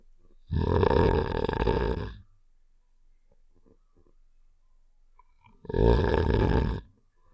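Two long, rough, rattling snores separated by quiet pauses. A snoring sound effect from a game.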